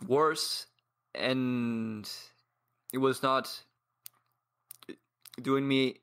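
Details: 22-year-old man from Paraguay who has stuttered for as long as he can remember and trains daily with a community of stutterers; pauses and blocks; stuttering.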